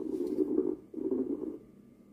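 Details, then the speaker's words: Coarse crackles: two breath sounds with loud, low-pitched, long-lasting rough bubbling crackles, indicating excess fluid in the lung. Generally heard at the lung bases. "An abnormal lung sound, such as coarse crackles, indicates there is some type of excess fluid going on in the lung. The volume of coarse crackles is loud with a low pitch sound that has a long-lasting sound,"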